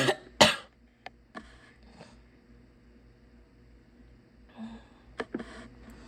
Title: sick barking coughs